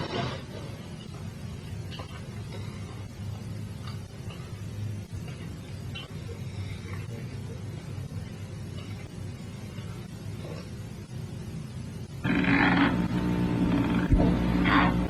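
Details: Sleep-lab recording of patients observed during sleep: faint clicks over steady room noise, then a louder stretch of rasping, squeaking teeth grinding; sleep bruxism (nocturnal teeth grinding).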